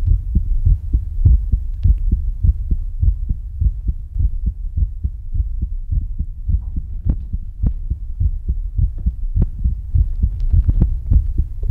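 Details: Steady low thumping heartbeat about 100 beats a minute, panned left, center and right around the listener in an ASMR recording; normal heartbeat.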